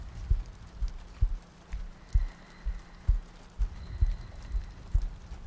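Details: ASMR sleep-aid loop of a heartbeat with soft breathing and rain ambience: soft, deep, regular thumps at about 65 beats a minute under faint rain-like noise.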